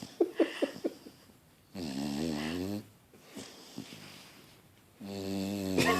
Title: Snoopy snores so loud!!